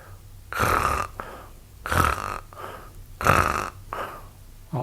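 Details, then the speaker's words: Imitated open-mouth snoring: three loud, rattling snores on forced in-breaths with softer out-breaths between, made with the mouth open and inhaling hard; snoring occurs on inspiration. "就是你嘴巴张开来，然后很用力的吸气然后试着模拟发出打呼的声音像这样子"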